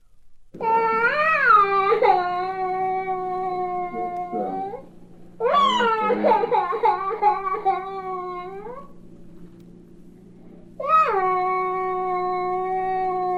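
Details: A toddler's drawn-out, whining, sing-song cry in three long tonal bursts, from a 1967 recording of baby sounds for expectant and new parents: a normal attention-seeking toddler cry.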